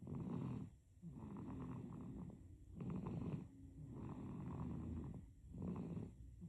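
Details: Baby with soft, rough, rumbling breaths in slow cycles, about two or three in six seconds, under background hiss; infant snoring.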